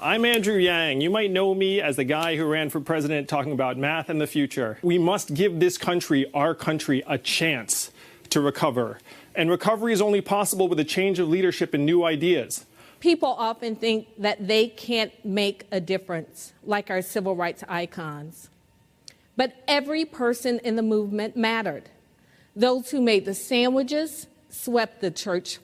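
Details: Adult male speakers, formal address; normal speech.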